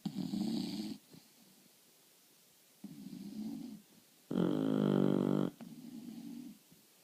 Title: Snore machine, 2 English bulldogs